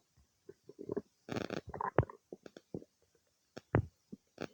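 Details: Irregular gurgles, pops and short rumbles in a quiet room: ordinary stomach bowel sounds of digestion some time after eating cake.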